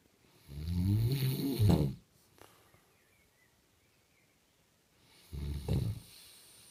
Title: Dad snores